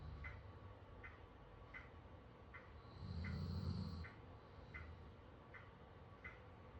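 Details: A sleeping dog lying on a Lambchop toy gives one low, rumbling snore over a quiet background with faint rhythmic ticking: snoring during sleep.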